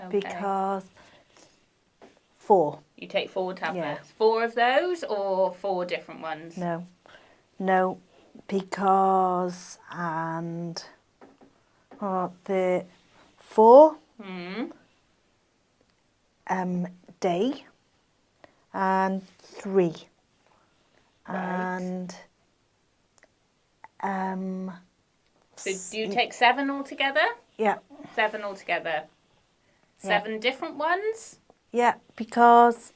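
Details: Adult man with aphasia after a stroke, speaking in conversation where the partner is not using supportive communication strategies; aphasia.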